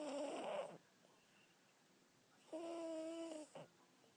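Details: Male subject, described as a loud snorer who keeps others awake, caught sleeping on camera; two tonal, buzzy breaths with a quiet gap; snoring.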